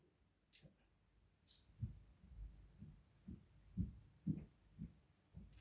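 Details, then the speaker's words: Korotkoff sounds through a stethoscope bell over the cubital region as the arm cuff deflates, in a seated man rested five minutes, during a blood pressure demonstration: soft regular low tapping sounds, the last heard at 66 mmHg. "tapping or murmuring noises okay so i've waited a little bit i heard the last noise at 66 milligrams of mercury"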